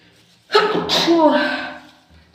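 One sudden sneeze: a sharp explosive burst with a voiced tail that fades away, muffled slightly as if into a tissue.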